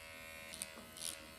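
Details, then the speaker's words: Faint steady electric buzz with light contact noises: MD Needle Pen microneedling the face at 2 mm over scars, painless under numbing ointment. "I don't feel anything. I literally have it on 2 millimeters right now."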